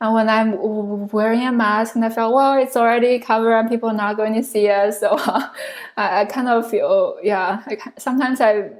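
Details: Adult woman who stutters, originally from China, a speech pathology PhD candidate studying in the U.S. for close to 10 years; this stretch has many word repetitions; stuttering.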